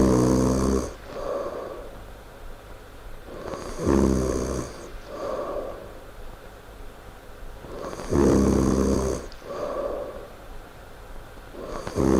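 Loud, rumbling snores on each breath in with quieter breaths out between, about 16 breaths a minute.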